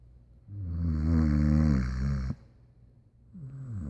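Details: Dog snoring very loudly: one long, loud, vibrating inward snore ends abruptly, then a second snore begins; heavy snoring.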